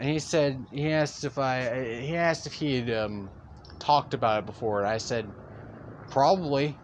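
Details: Male speaker who says he stutters; real stuttering throughout a long narrated story. Stuttering.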